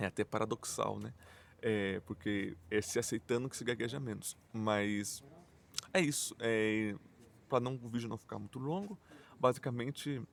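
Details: Adult male Portuguese speaker who stutters and says his stuttering is marked by repetitions, blocks and silences; stuttering.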